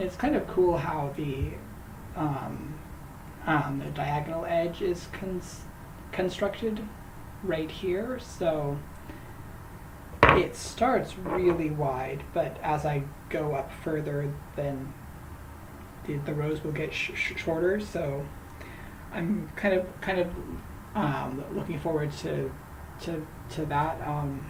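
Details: Man who says he stutters, talking while crocheting; he reports his stuttering worsens when greeting people by name; stuttering.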